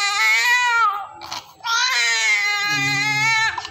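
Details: Loud, strong, high-pitched crying from a 3.5 kg female newborn being discharged to her mother, in two long bursts with a brief pause for breath; a vigorous newborn cry.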